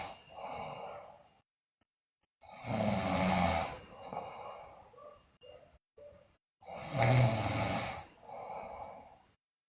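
Loud, rough, rattling snores on the in-breath with softer out-breaths, about 15 breaths a minute.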